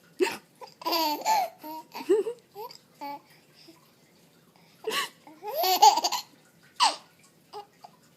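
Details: 4.5-month-old baby laughing and babbling at mom's fake hiccups, with a few short abrupt catches between laughs that fit hiccups; hiccups.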